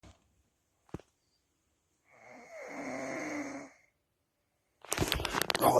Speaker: here is the north american snoring ball here it is right here this is him in his natural habitat